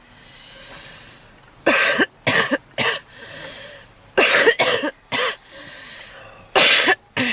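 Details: Woman smoking in a car: forceful, harsh coughs in three bouts, each followed by a long, noisy breath in with deep, heavy wheezing; smoker's cough.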